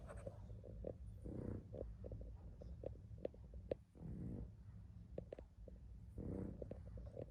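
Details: A sleeping dog snores gently: soft, low, rumbling breaths recurring about every two and a half seconds over quiet room noise. Snoring.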